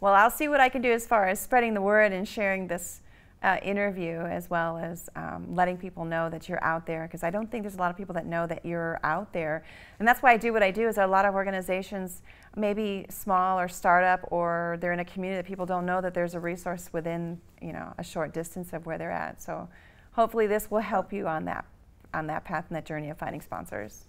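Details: Adult woman, interview host; normal speech.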